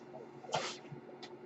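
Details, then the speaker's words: Soft airy whoosh of the speaker's own mechanical ventilator delivering a breath over a steady low machine hum. "Hello everyone, my name is. That noise you're hearing is my ventilator."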